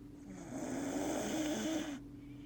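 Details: Dog exhausted after a hike, snoring loudly though he rarely snores: a single long, rumbling, rattling inhaled snore lasting about two seconds.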